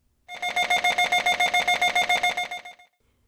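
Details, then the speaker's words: Adult brain MRI scanner during image collection: rapid, loud, regular electronic beeping pulses, about three or four a second, lasting a few seconds; normal scanner noise, differing by image type. "the scanner makes all kinds of noises when it's collecting images and do we collect many different kinds of images each type of image we take lasts several minutes and each may sound a little different this is how the scanner sounds when we're collecting one kind of image and here's another"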